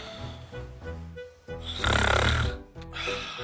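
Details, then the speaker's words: Staged comedy sketch: a loud, rattling snore with a strong low buzz, set over background music and keeping a partner awake; simulated snoring. "soll man den bei dem lärm schlafen"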